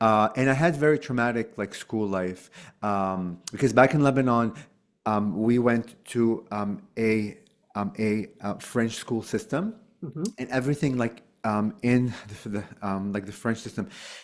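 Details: Adult male who has stuttered since childhood and still stutters, using "like" as a bridge word to avoid getting stuck on words; developmental stuttering.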